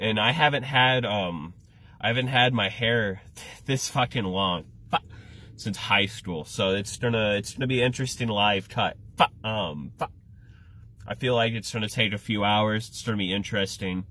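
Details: Adult male with Tourette syndrome, repeated phrases: vocal tics (Tourette syndrome).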